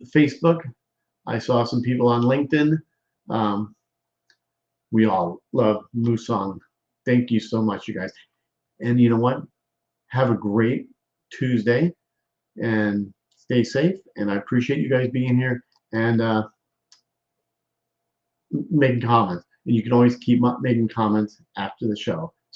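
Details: Male stroke survivor with post-stroke aphasia and word-finding difficulty; aphasia.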